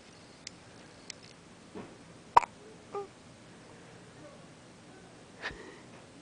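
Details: Baby's first hiccups.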